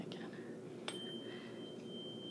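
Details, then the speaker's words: Weber hearing test demonstrated for physician assistant students: a 512 Hz tuning fork is struck, giving a metallic strike and then a thin, steady ringing tone, and is placed mid-head; the patient reports it lateralizing left. Quiet room noise behind. "So you want to use the 512 tuning fork. And with this one, the easiest way to get it to go is like that. And you put it in the middle of your patient's head and you ask them, where do you hear that?"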